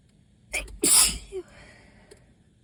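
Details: Allergy sneeze: a quick breath in followed by one sharp, explosive sneeze.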